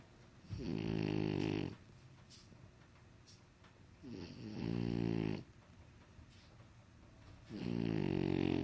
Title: Snoring French Bulldog